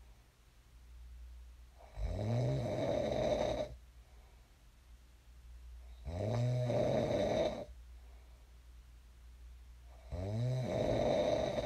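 Three long, deep rattling snores on inhaling, about 15 breaths a minute, with a low room hum underneath: snoring during sleep.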